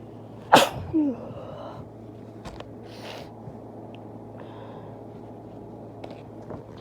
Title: Inducing sneezes and nose blow